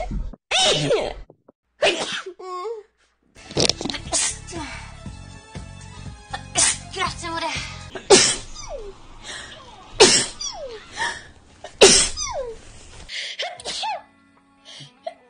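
Several sharp, explosive sneeze bursts with brief vocal exclamations between them, over background music.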